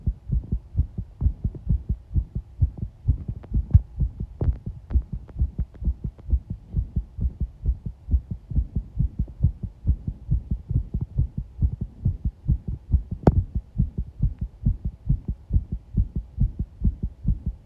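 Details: Heartbeat recorded with pressure applied: fast, steady, low thumping heart sounds, about 136 beats a minute.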